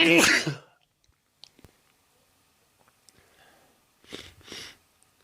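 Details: One loud, sharp sneeze, then quiet, followed by two softer breathy bursts; ordinary sneezing.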